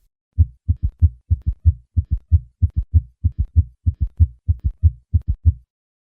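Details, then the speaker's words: Summation gallop: regular low heart sounds in a three-beat galloping rhythm at about 92 per minute. "Apex summation Gallop"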